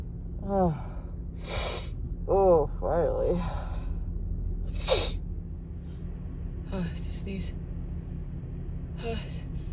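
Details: Person with a cold, stuffy nose and tickle: several sharp voiced inward gasps and catching breaths over a steady low hum, the false starts of a sneeze that does not come; gasping before sneeze.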